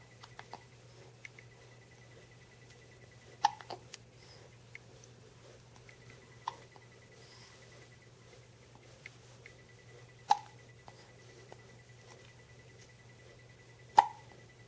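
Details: Female being held in someone's arms: soft, brief, abrupt hiccup sounds recurring at irregular intervals, about 16 a minute, over a steady room hum; hiccups.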